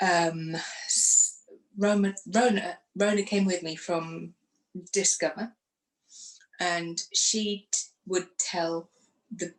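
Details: Woman who had a stroke after surgery in 2018, aged 44, lost her speech, and now lives with post-stroke aphasia.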